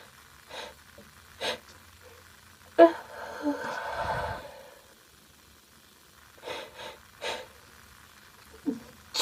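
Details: Female, mostly stifled sneezes: several short explosive bursts with a louder noisy burst and exhalation in between; a series of sneezes.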